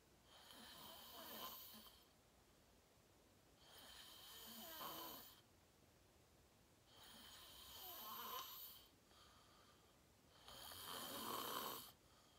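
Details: Self-recorded sleep video, fell asleep at 8:45 in deep REM sleep, tagged sleep apnea: four rough harsh rattling inspiratory snores at about 18 breaths a minute with quiet pauses; snoring.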